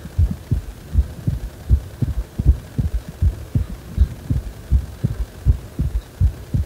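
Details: Heart sounds described as feeling like the heart is wobbling: low, regular paired thumps at about 80 beats per minute; heartbeat.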